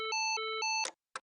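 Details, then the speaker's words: LIFEPAK CR2 fully automatic AED in adult mode, pads on bare chest: voice prompts analysing rhythm and to stand clear, then a short alternating two-pitch tone and brief click as the shock is delivered. "analyzing heart rhythm preparing to shock everyone clear do not touch patient delivering"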